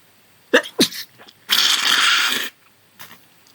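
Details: A sneeze during a heavy cold: two sharp inward catches, then a long, forceful sneeze burst and a faint sniff, with thick nasal congestion.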